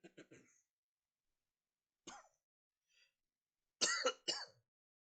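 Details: Tourette syndrome coughing tics on a normal day with tics, after holding tics in at work: abrupt clusters of short coughs and throat-clearing with silent gaps.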